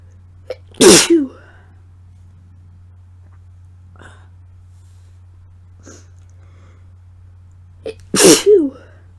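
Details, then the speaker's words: Self-induced sneezes from an adult with a cold, a sore throat, a tickly nose and no congestion: two loud, sharp sneezes about seven seconds apart, each with a quick indrawn breath. "my nose is really tickly but I can't sneeze so I'm going to go ahead and induce some so here I go"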